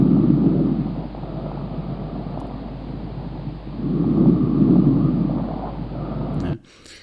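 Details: Normal vesicular breath sounds.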